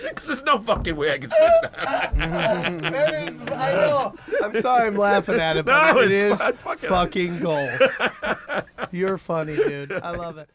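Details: Adult speakers in conversation; ordinary speech.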